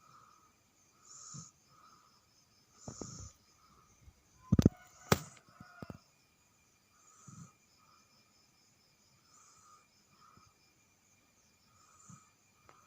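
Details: Sleeping baby snoring: soft, regular snoring breaths with a few snorts over a steady electronic hum; harmless infant sleep snoring.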